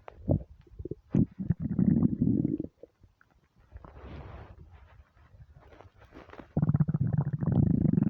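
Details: Hunger stomach rumbling (borborygmi): bursts of low gurgling rumbles separated by quieter stretches; a normal gut sound on a starving stomach.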